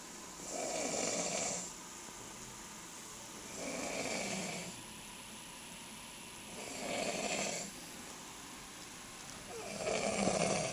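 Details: Adult man (the best man) asleep, about 30 minutes before leaving for the airport; four rhythmic, rasping snores at about 20 per minute with quiet gaps; loud snoring likened to a 747 jet.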